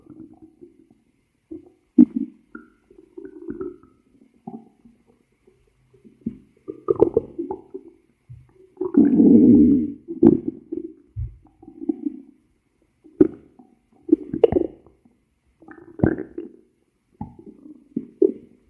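Gurgling, rumbling and squeaking stomach noises coming and going; ordinary bowel sounds of stomach growling.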